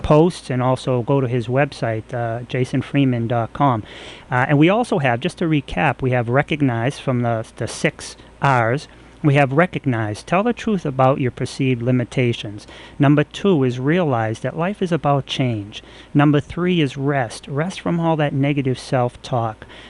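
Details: Adult male speaker; normal speech.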